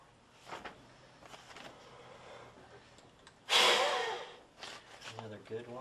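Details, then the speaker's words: Peak flow measurement with a Spirometric peak flow meter: quiet breaths, then one sudden forceful rushing maximal exhalation fading over about a second; forced exhalation for peak flow. "take a deep breath in open your mouth hold that breath and put this in your mouth and blow into"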